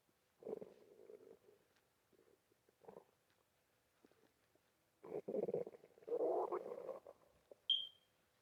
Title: bf gf and sticky stomach rumble